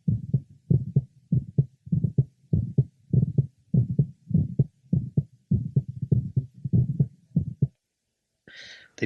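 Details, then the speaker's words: Teenage boy with atrial septal defect and mitral valve prolapse, at the apex: regular heartbeat near 100 a minute, widely split first sound with louder tricuspid component, and a series of mid and late systolic clicks. "first heart sound is more widely split than usual the second component of which the tricuspid is louder than the first component the mitro"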